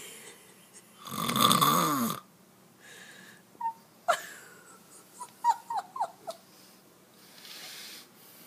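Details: Husband who denies snoring: one loud harsh snore, then soft breathing with whistling squeaks and small snorts; snoring.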